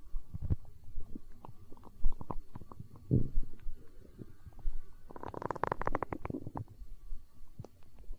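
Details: Stomach growling (borborygmi), hunger sounds from an ASMR recording: loud irregular gurgles, squeaks and rumbling bursts.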